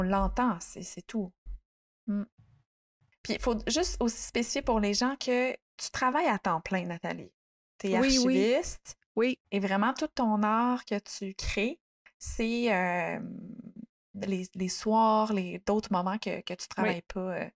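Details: Adult women in conversation; fluent speech.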